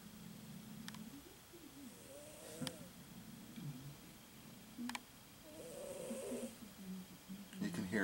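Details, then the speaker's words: Sleeping cat recorded on a Sony Handycam HDR-CX230: soft, low rumbling breaths with faint clicks and quiet room noise; light snoring. "can hear her snoring. Yes, everybody's trying to sleep."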